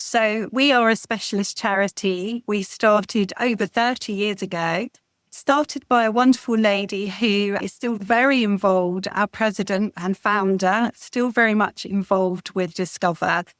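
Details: Adult woman speaking; normal speech.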